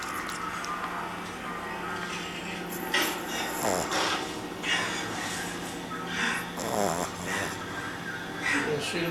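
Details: 13-week-old Boston terrier puppy nursing in his sleep, apparently dreaming, and snoring.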